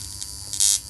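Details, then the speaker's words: Thin high-pitched electrical buzz that grows louder as the power is turned up on an ozone high-frequency facial machine, which gives off purple light; high-frequency facial device buzzing. "जैसे मैं इसकी power तेज कर रही हूं यह मैंने power तेज की आपको आवाज इसकी तेजी से आ रही होगी"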